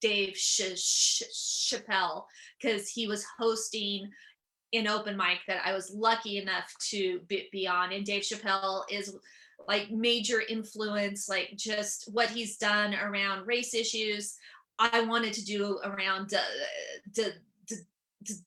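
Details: Adult female comedian and author with real stuttering that began at age seven or eight, who also has dyslexia: stuttering.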